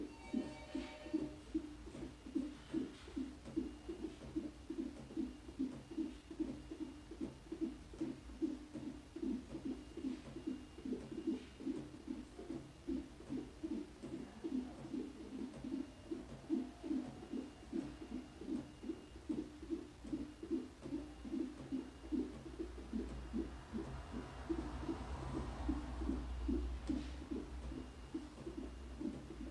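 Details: Fetal heartbeat on a CTG/Doppler monitor, heard by the mother for the first time during pregnancy: rapid, regular whooshing at about 148 beats a minute.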